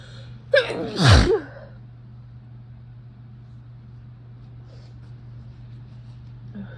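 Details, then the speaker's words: Induced sneeze with a fan humming in the background: a sharp inhaled gasp followed by one loud sneeze. "let me know um in comments if you'd like to see more loud sases or um more stifled I've been doing both but I'm not sure which is preferred oh"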